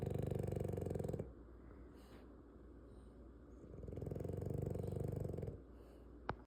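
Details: Heavy snoring in a sleeping female French Bulldog: loud, buzzing snores on two long breaths in, separated by quieter breathing out; snoring.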